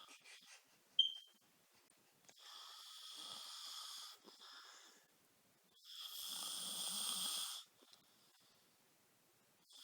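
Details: Person snoring during sleep: two long, hissing, slightly whistling snores about four seconds apart in a quiet room.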